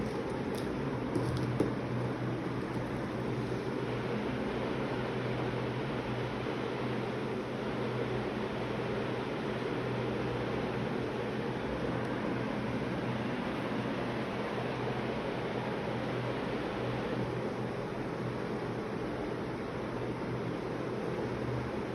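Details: Steady low fan-like hum of a running ResMed Astral mechanical ventilator (life support machine), with no distinct breath cycling heard.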